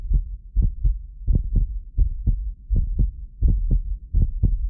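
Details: Normal adult heartbeat from a medically fit person, recorded with multiple precision contact microphones: steady paired low thumps at about 80 beats a minute, with an occasional doubled click from microphone delay.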